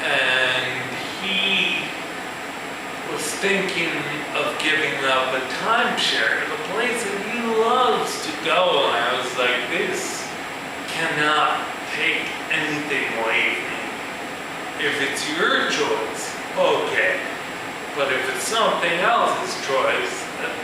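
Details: Male musician with ataxia, a progressive neurological disorder with cerebellar cell death affecting balance and speech, giving a live talk; ataxic dysarthria.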